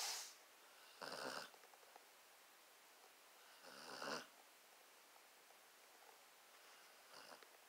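Soft, noisy snores recurring every few seconds in a quiet room, rough fluttering on each breath; dog snoring.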